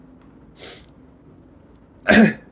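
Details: Acted ASMR sick-day sounds: soft breathy intake, pause, then one sharp loud sneeze in a quiet room; imitated sneeze.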